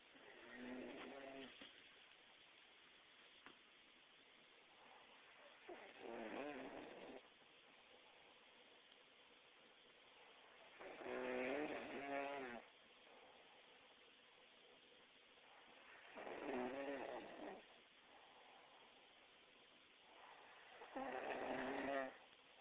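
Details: Man snoring while napping in an armchair: loud, rattling, tonal snores recurring roughly every five seconds, about 12 breaths a minute.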